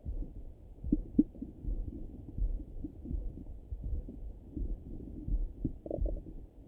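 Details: Soft, irregular low gurgles and rumbles through a stethoscope, a stomach rumbling in the morning. Bowel sounds.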